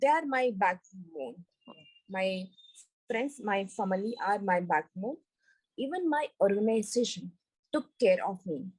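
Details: Recovering global aphasia in a woman after a stroke on an Everest base camp trek about four years earlier, initially unable to speak, read, write or spell; language relearned through speech therapy.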